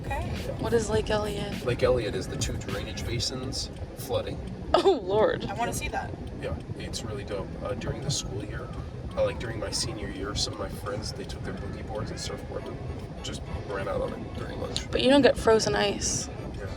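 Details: Adult male speaker in a moving car; no disorder.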